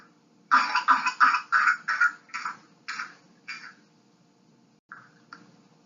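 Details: Whooping cough (pertussis), a highly contagious respiratory tract infection: a rapid unbroken run of about eight weakening hacking coughs, then two brief catches of breath; typically severe hacking cough followed by high-pitched whooping intake of breath.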